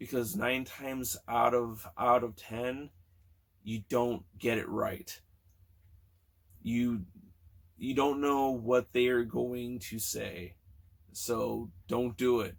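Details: Stuttering in a man almost 40 who has stuttered since kindergarten or first grade, with repetitions, prolongations and blocks, especially on s and t words, plus filler words and word switching.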